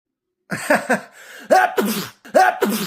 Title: Sneezing After Age 35 Be Like... #fyp #comedy #funny #relatable